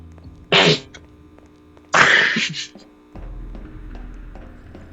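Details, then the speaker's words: Two sharp, explosive sneezes about a second apart from a person during gaming commentary, with faint room hum; ordinary sneezing. "right sorry guys I all right see sorry I sneezed"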